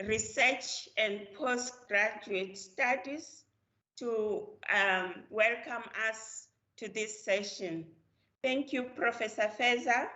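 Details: Adult woman speaking, small room; normal voice.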